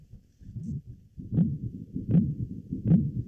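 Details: Pericardial knock.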